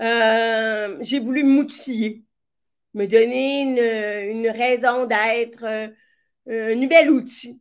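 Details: Speech of a woman with severe-to-profound deafness who hears with a hearing aid in her right ear and now also a cochlear implant, and who trained her voice on her own; deaf speech.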